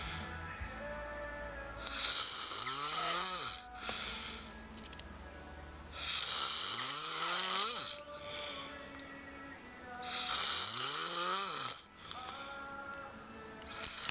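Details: Loud snoring in sleep: long rattling snores with a rising whistly edge recurring about every four seconds over background music.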